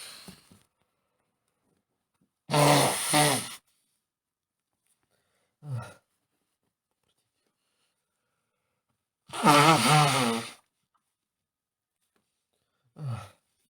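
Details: Adult man with a cold, day three, snoring in bed in the morning: loud, rough breathing noises recurring with quieter sounds between them, about nine a minute.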